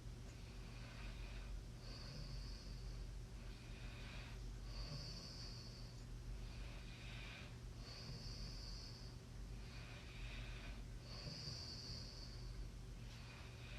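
Four slow, regular breathing sounds with a rough hissing edge on each, about 17 breaths a minute, over steady low room hum; snoring during sleep.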